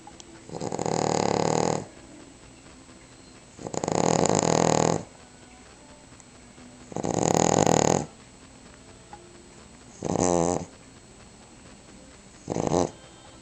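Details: Cavalier King Charles Spaniel snoring after eating Christmas turkey: loud rattling snores on each breath, about five in thirteen seconds, some with a fluttering buzz.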